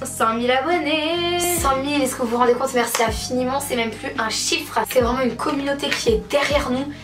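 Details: Adult woman speaking French; Normal voice.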